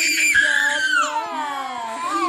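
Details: A sustained, high-pitched, strong and continuous wailing cry from an infant, with the pitch falling toward the end of the breath; the carer jokingly says the baby is crying because a TV housemate was evicted.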